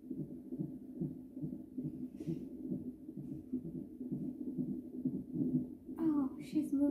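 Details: Rapid rhythmic whooshing pulses with brief voices over them: fetal heartbeat on a hospital monitor, tracked alongside contractions; midwife says it looks good.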